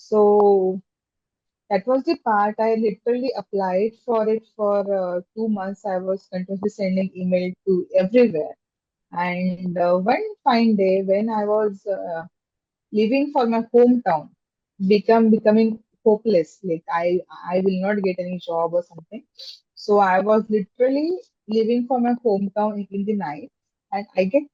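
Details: Stammering in an adult woman, a software engineer, who stammers, speaking in an interview.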